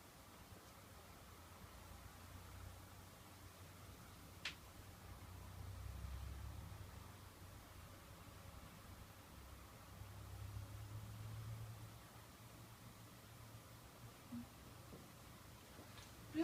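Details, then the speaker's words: Chest auscultation of an absolutely healthy person through a stethoscope: soft, low rustling breath sounds; normal vesicular breathing. "культа ции выслушивается везикулярное дыхание одинаковая сегодняшняя прежде себя вы можете послушать абсолютно здоровый человек"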